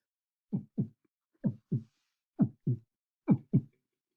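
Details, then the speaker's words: Vocal imitation of a normal heartbeat: four paired 'ba-bump' beats at about 65 a minute, the second beat more forceful, illustrating atrial then ventricular contraction. "that was just me ah with my vocal cords so you can hear there's two beats there's a bump ba-bump and you can hear that the second beat is a little bit more forceful"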